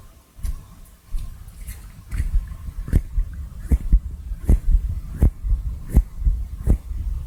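Soft low thumps at about 80 a minute under a faint hum and rustle, a heartbeat.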